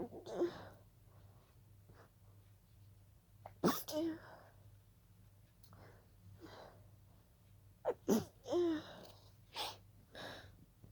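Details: Stifled sneezing fit that began as a pollen allergy: a run of breathy, partly held-back sneezes with quick inhaled gasps between them.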